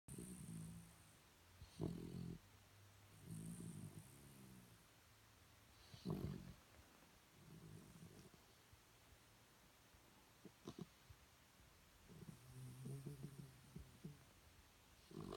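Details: Sleeping Shih Tzu: soft, irregular snorting snores with a purring flutter, about every two seconds: snoring.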